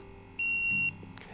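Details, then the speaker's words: Nisus negative pressure wound therapy device, training demonstration: a single steady high-pitched electronic beep as the leak icon appears; NPWT device leak alarm. "so when this device alarms this device is alarming leaked at this point you have an icon in the top left hand corner it also notifies you leak alarm mute yes or no"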